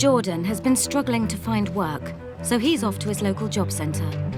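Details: Adult narrator; Normal speech.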